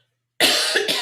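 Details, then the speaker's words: Quick run of about three dry, harsh coughs in the background of a lecture, attributed to allergies; the speaker says it is their child coughing; cough. "sorry that my kid i don't know if you can hear him coughing but he's like coughing lungs out now allergies anyway"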